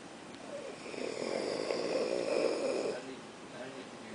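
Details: Male student asleep in class: one long rattling snore lasting about two seconds, fluttering rapidly, in a quiet room; loud snoring.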